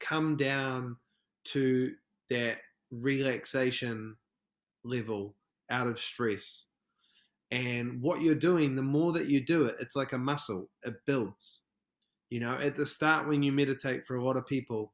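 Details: Adult male film director from New Zealand, a self-described proud person who stutters, heard in podcast interview speech: stuttering.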